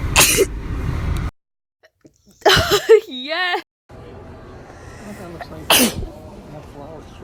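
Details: Three sharp, explosive sneezes, one followed by a short wavering vocal sound; ordinary sneezing.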